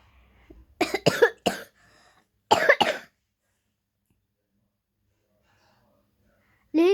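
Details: 10-year-old girl coughing while reading a story aloud: short run of dry coughs, then a second brief burst, with quiet pauses around them.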